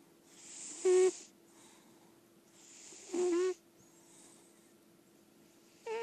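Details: Short, squeaky, whistling snores with airy hiss, about 25 per minute, over steady hum; Daisy Belle, a healthy senior lilac point Siamese indoor cat, snoring in sleep.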